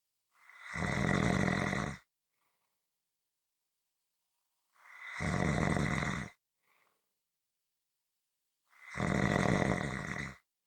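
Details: Loud, rattling snores on each breath in, about 15 a minute, with silence between them; snoring.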